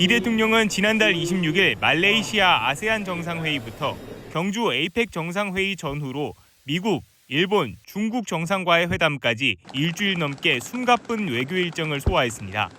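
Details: Adult news narrator; Normal speech.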